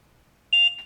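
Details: Trilogy 100 portable ventilator: a single short high-pitched electronic beep when external power is plugged back in, signalling mains reconnection; a normal device tone.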